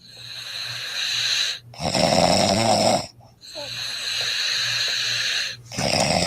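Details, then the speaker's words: Adult woman snoring, recorded by her husband: loud, harsh rattling noise on each breath in, with quieter breaths out between. Snoring from soft tissue of the throat vibrating as air passes. "listen to another woman this man says my beautiful wife snoring see let's hear it"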